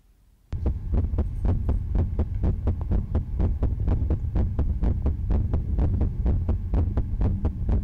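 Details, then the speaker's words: Heartbeat monitored on a soldier in Afghanistan in 2009 during combat; steady deep thumping about 125 beats a minute over a low hum, rapid heart rate from combat stress. "foreign that's monitored on a soldier in Afghanistan in 2009 it's an indicator of how his body responds to combat"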